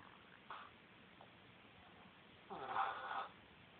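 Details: Woman sleeping: a brief soft snort, then a longer rough, nasal snoring breath in a quiet room; snoring.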